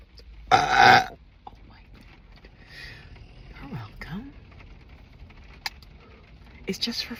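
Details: Adult burping after drinking diet lemon-lime soda: one loud, rough belch near the start, then quiet room noise and faint voice sounds; burping.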